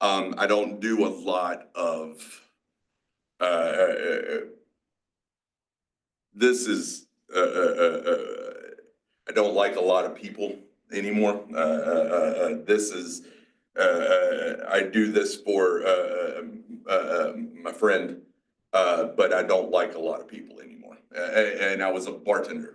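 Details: Adult male, 47, with aphasia mixing Broca's and Wernicke's types after a massive stroke 6 years earlier. He also has had strokes and seizures, had to relearn to talk, and still has word-finding blocks. Aphasia.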